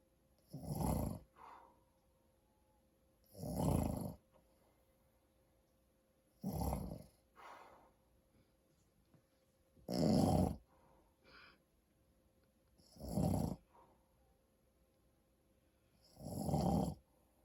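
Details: An adult man (a father) asleep: loud rattling snores on each in-breath, about 20 a minute, each followed by a softer out-breath, in a quiet room; snoring.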